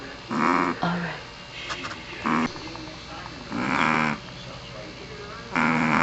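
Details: Sleeping Pomeranian dog with repeated raspy, buzzing snorts roughly every one to two seconds and quiet breathing between them; snoring.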